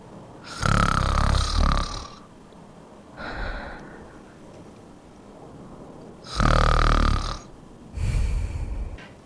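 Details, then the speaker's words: Loud, rattling, low snores on each breath in, each followed by a softer snort on the way out, over two breath cycles, presented as an example sound: snoring. "snore to snore this is a sound you make when you're asleep when air tries to get through partially blocked Airways in the nose and throat resulting in a noise that may prompt couples to sleep in separate bedrooms"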